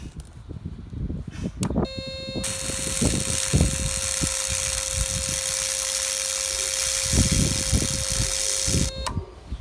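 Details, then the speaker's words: Ukrainian DKVKh-300 300 W diathermy electrosurgical unit tested in coagulation mode at setting 50: steady high electrical buzz with crackling and sizzling as tissue is cauterized; relatively low power. "для коагуляції зовсім інший діапазон 50 є припікання також працює смалить"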